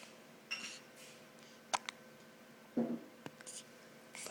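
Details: One-week-old newborn boy with hiccups: quiet, brief, sharp catches in his breathing with soft breathy sounds between; he is also hungry.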